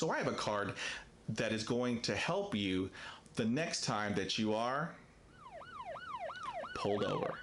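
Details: Adult man who stutters, describing stuttering as a communication disorder in which the flow of speech is broken by repetitions; stuttering.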